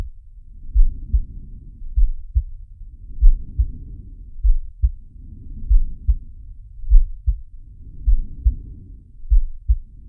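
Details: Heartbeat and breathing sound of the cartoon shark Sharko from the Zig and Sharko animated series: deep, regular low thumps with soft rushing breath sounds between them.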